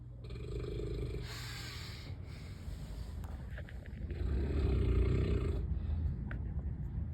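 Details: Man ("unc") in a sober-living house, recorded asleep at night: two loud, deep, rumbling snores on slow breaths over steady room noise; loud snoring.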